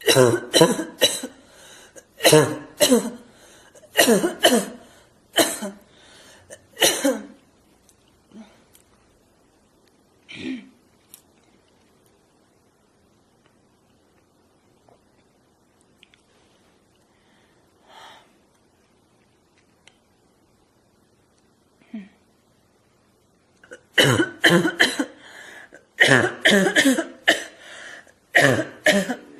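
An adult deliberately produces runs of harsh, barking coughs, with a long quiet pause between two bursts.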